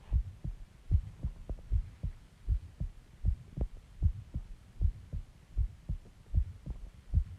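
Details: A self-recorded heartbeat, taken after eating eggs and ice cream and drinking Coke, with steady paired low lub-dub thumps at about 76 a minute over a faint hum: a regular, normal heartbeat.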